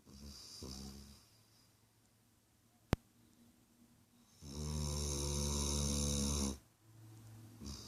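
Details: Sleeping dog snoring: a loud, buzzing, drawn-out snore and softer rumbling breaths, with one sharp click between them.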